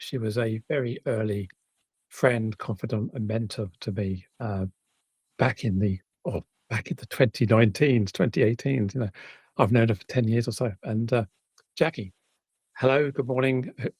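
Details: Adult speaker; Normal speaking voice.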